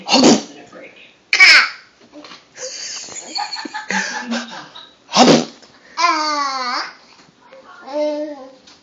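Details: A child pretending to sneeze: sharp, burst-like 'achoo' sounds mixed with laughing and vocal play; imitated, not real, sneezes.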